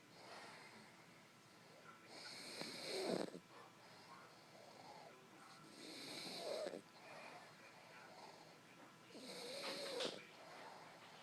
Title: Snoring dog